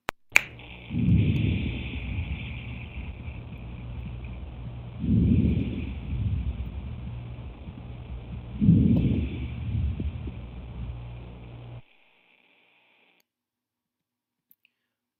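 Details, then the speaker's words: Normal vesicular breath sounds on chest auscultation, heard over most of the lung field: soft, low-pitched, low-intensity breaths rising and fading about 15 times a minute. "there are several different types of normal breath sounds vesicular sounds are low-pitched low intensity and I heard over the majority of the lung field"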